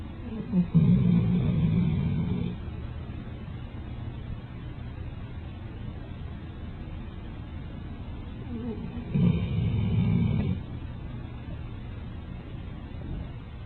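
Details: Loud snoring during sleep: two loud, deep, rumbling snores about eight seconds apart, with quiet breathing and low background hum between them.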